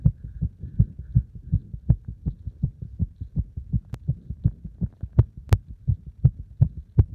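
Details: Fast, strong, regular heartbeat, roughly 160 a minute, after a beep test combined with squats: a normal racing heart after hard exercise.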